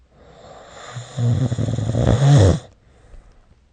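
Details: Snoring during sleep recorded with the SnoreLab phone app; one loud, deep, rattling snore on an in-breath ending in a snort, then quiet.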